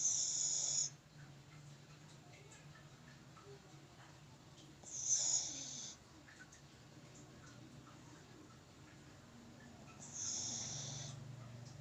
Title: Chay chay hilik pamore🤣 dog snoring.